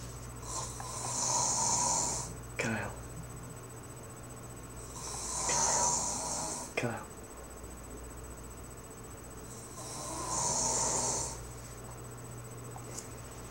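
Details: Male snoring in his room: three long, hissing snores at about 14 a minute, each followed by a short snort, over a steady background hum.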